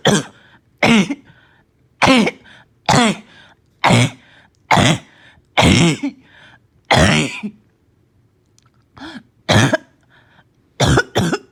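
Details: Child with a barking cough, slight fever, gagging and vomiting: about a dozen harsh, abrupt, hoarse coughs in short bursts separated by brief pauses.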